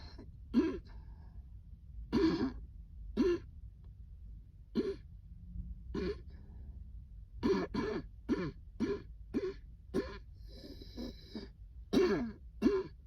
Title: cold air makes a coughing fit